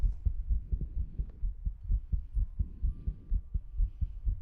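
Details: Steady, regular low heartbeat-like thumps with a faint hum behind them; an ASMR heartbeat sound with mouth sounds and ear cleaning.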